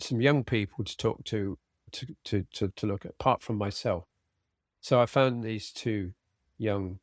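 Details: Man with aphasia after a sudden stroke, treated with speech and language therapy; aphasia.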